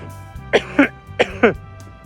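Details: Deliberate demonstration of coughing correctly in public during COVID-19: two short double coughs with sharp onsets over soft background music; voluntary cough.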